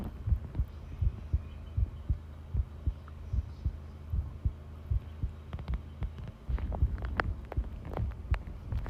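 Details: Long heartbeat recording: normal heart sounds, a steady, regular, low thumping heartbeat at about 80 beats a minute over a low hum.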